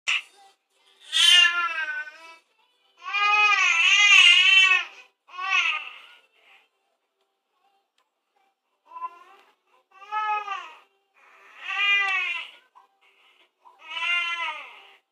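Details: Infant during tummy time, which she dislikes; high-pitched, wavering crying in repeated bursts with pauses between them; fussing infant cry.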